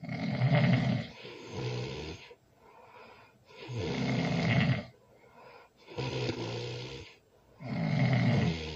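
Loud, rough snores on each inhalation with quieter snorting exhalations, about 16 breaths a minute. Heavy snoring.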